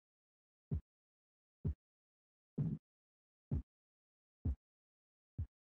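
Six soft, low thumps at about 65 a minute over silence, then fading out: Korotkoff sounds heard while taking a blood pressure.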